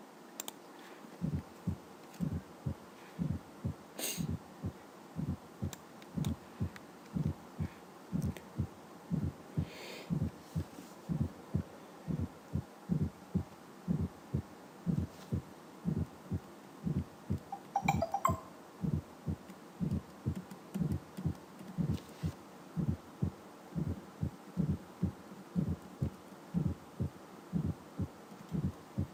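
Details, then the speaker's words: Fourth heart sound (S4 atrial gallop), a late-diastolic sound from impaired atrial contraction, as in aortic stenosis or arterial hypertension. "En el caso del cuarto ruido, alteraciones de la contractilidad o de la patada auricular por un trastorno en su contracción, como en el caso de la estenosis aórtica"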